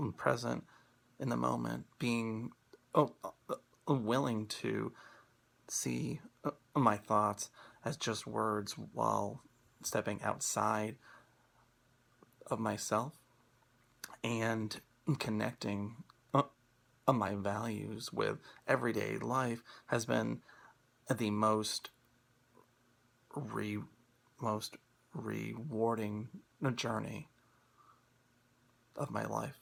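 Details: Stuttering in an adult man who stutters and is using Acceptance and Commitment Therapy.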